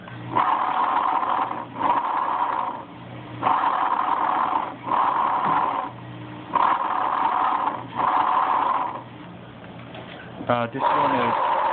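Loud, harsh, hollow breath sounds in repeated cycles with a clear pause between breaths: bronchial breathing heard over the lung.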